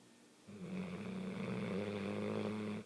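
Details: A woman snoring: a single long, steady, buzzing snore on one breath after a quiet pause.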